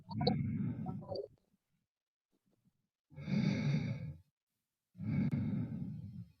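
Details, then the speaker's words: Normal breath sounds on a nursing head-to-toe assessment: three soft, smooth breaths through a stethoscope, no wheeze or crackles, clear and equal bilaterally. "the breath sounds are clear and equal bilaterally"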